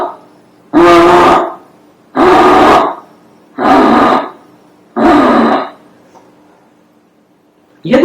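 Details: Infant with laryngomalacia (softened supraglottic laryngeal tissue) making a harsh, crowing noise on each breath, about 43 breaths a minute: inspiratory stridor.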